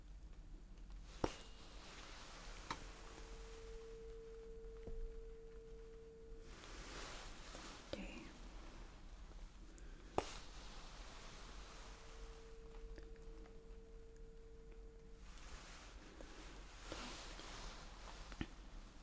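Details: Two steady, pure humming tuning fork tones of a few seconds each, among soft taps and rustles, in a role-played ASMR ear exam hearing test where the eyes-closed patient says which side hears it.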